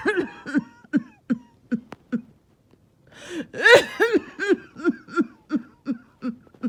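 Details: Evening coughing fit: a run of about fifteen short, rapid, strained coughs with barely a breath between them and trouble catching breath, coming on suddenly after oxygen levels had been good all day.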